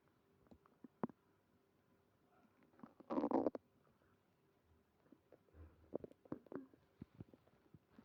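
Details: Stomach growling (borborygmi) with tummy pain after eating creamy pasta.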